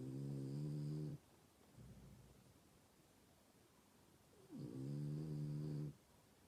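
Two low, buzzing, drawn-out snores about four seconds apart, with a quiet breath between: a sleeping dog snoring.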